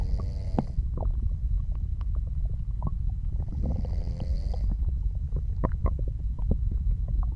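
Low continuous rumbling with scattered gurgles and clicks, ordinary digestion sounds, with two soft snoring breaths.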